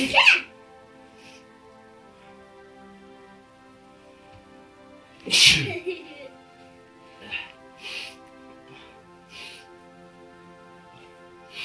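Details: Repeated sharp sneezing bursts with quieter sounds between, over soft background music, induced by putting kalanchoe juice in the nose as a folk remedy for a stuffy nose; sneezing.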